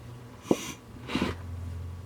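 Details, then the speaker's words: Bag valve mask ventilation on a training mannequin with an adult-sized pocket BVM, one-handed EC clamp lifting the face: two short rushing puffs of air as the bag is squeezed, one breath every six to eight seconds. "you want to lift the face up to you squeeze the bag okay so lift it up squeeze the bag and five over six to eight seconds"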